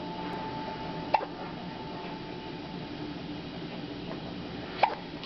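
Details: Two sharp, brief hiccup sounds about four seconds apart over steady room noise; hiccups.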